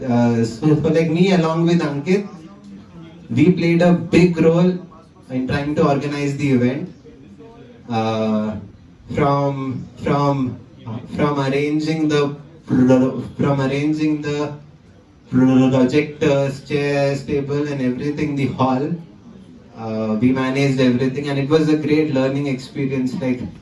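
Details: 20-year-old man who stammers; stuttering.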